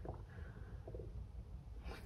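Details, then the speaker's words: Stomach gives soft, low, gurgling rumbles with brief bubbly bursts before lunch, over quiet room noise: stomach rumbling (borborygmi). "how did you hear that that was my stomach"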